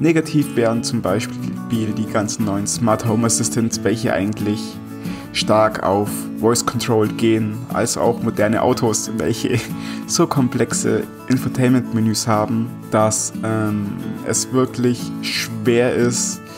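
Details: Stuttering in an adult man, milder here than in an earlier situation where he could not get a single letter out.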